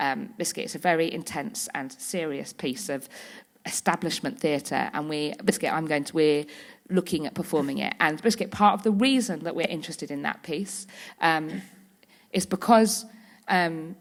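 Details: Woman with Tourette syndrome whose frequent vocal tics are especially the words "biscuit" and "hedgehog"; several times a day her tics intensify until she loses control of her body and speech. Vocal tics (Tourette syndrome).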